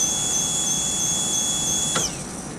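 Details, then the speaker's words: Woodpecker ES5 electric veterinary dental machine, high-speed handpiece at maximum 205,000 rpm with light, atomization and 20% water: steady high-pitched whine of the drill running, then winding down as it stops. "Okay, so that's the high-speed handpiece, which is probably one of the main functions."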